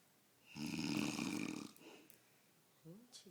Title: Pops snoring